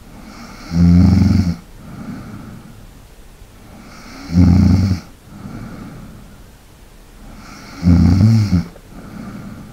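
Three loud, rattling snores about 3.5 seconds apart, roughly 17 a minute, with soft breathing out between; regular sleep snoring.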